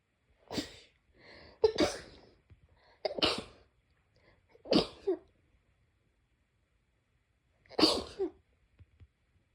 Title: sneeze 3